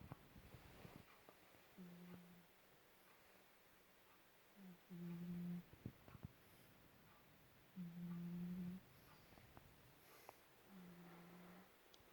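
Soft low rumbling snores at about 4 s intervals, some sounding on both breath in and out, in a quiet room: a cat snoring.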